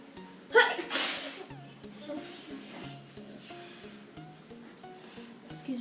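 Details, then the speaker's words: Deliberately acted "polite sneeze" demonstration: a single sharp, short burst of air followed by music; an imitated, not real, sneeze. "The first sneeze is going to be the polite sneeze. It goes like this."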